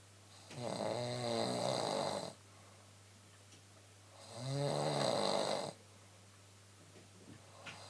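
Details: Adult woman snoring at night (about 1:15 am): two long, rattling snores a few seconds apart, each a vibrating rasp on the breath in, over a steady low hum.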